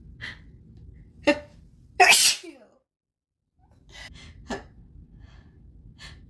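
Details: Self-induced sneezing by poking with grass at the start of fall with a high pollen count, in someone without known plant allergies: one loud, forceful sneeze after a sharp intake, among catching breaths; repeated sneezing.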